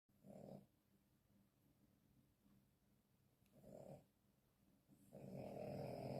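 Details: Sleeping, dreaming French bulldog gives three rough, rumbling snores separated by quieter breathing: snoring.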